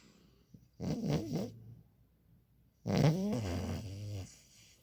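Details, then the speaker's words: Female French bulldog snoring: two loud, rattling, low snorting breaths about two seconds apart in a quiet room, a super snore from a flat-faced dog. "She's snoring."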